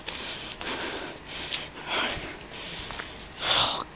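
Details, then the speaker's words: Adult breathing erratically while carrying heavy shopping: noisy, uneven breaths with sharp gasping inhalations and snorting exhalations; speaker told it's nervousness/anxiety, suspects heart and blood pressure, father also had breathing difficulty; labored, irregular breathing. "so as you can hear my breathing is erratic I've been told it's to do with being nervous"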